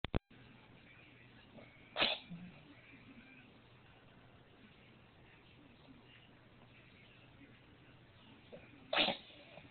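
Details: Cat with a rattly cough, green nasal discharge and frequent sneezing after a bad reaction to her 3-year URI vaccine; treated with antibiotic, steroids and antivirals. Two sharp sneezes over about ten seconds: sneezing.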